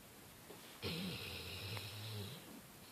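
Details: Female Labrador retriever snoring loudly: a single drawn-out snore lasting about a second and a half, with a low rattling note and a high whistling edge.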